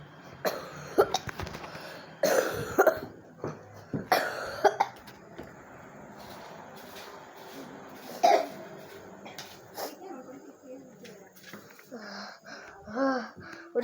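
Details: Repeated coughs, some in short bursts, with throat clearing, in a smoky house; cough.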